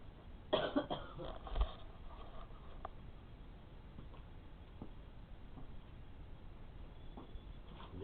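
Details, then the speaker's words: A short cluster of two or three rough night-time coughs, then quiet with faint movement, from an adult woman (the caregiver's mother) raised on pillows; caregiver suspects postnasal drip or a heart valve problem; cough. "поставил чтобы ты перестала кашлять правильно надо регулярно skype чувствует наклоном завод то подушки"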